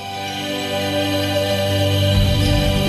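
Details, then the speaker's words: Soft, sustained soothing music with steady low tones, played through a Neuromonics tinnitus treatment device to mask the annoying ringing in the ear; a tinnitus masking sound. "and what what that sound does is masks that annoying sound that you don't to He"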